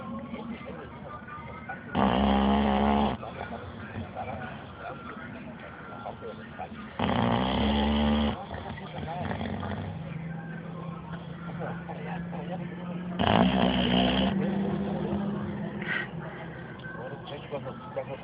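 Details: Three loud, rattling snores about every five seconds, with quieter breathing and background talk between them; snoring.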